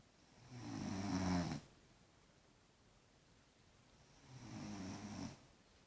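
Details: Very loud snoring from a sleeping daughter, louder than the TV, though she denies snoring.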